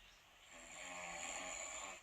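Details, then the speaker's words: A faint, thin, hissing snore over steady background hiss, likened to a mouse snoring, from a sleeping man said to snore all the time and worse after beer; soft breathy snoring. "It's like, sounds like a mouse snoring."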